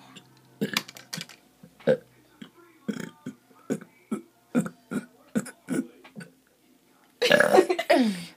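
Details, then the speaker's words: Girl deliberately fake burping: rapid run of roughly a dozen short forced burps ending in a longer burp; voluntary burping, not a medical sign. "e that's disgusting you know why a burp is always disgusting excuse me it's funny though"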